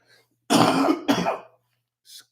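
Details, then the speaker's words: Adult with chest congestion after a bad allergy outbreak lasting over a week, still bringing up phlegm: two harsh, rough bursts of throat clearing and coughing with a faint mucus crackle. "Again, you'll hear me cough a few times, guys, because I'm still getting some of this stuff up out of my chest."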